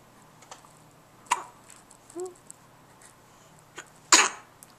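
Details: Newborn baby girl, six hours old, on her birth day: tiny sharp sneeze-like bursts and a brief squeak in a quiet room, ending in one clear sneeze; newborn sneezing.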